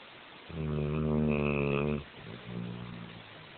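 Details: One long, deep, rumbling snore on the in-breath followed by a softer rush of breath out; a cow snoring.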